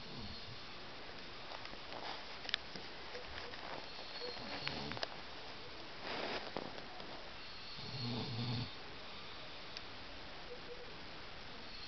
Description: My hubby snoring!